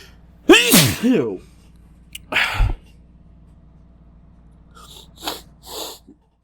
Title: Failing to talk through building sneezes